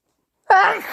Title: Harsh, loud and wet induced sneezes plus thick sniffles and blows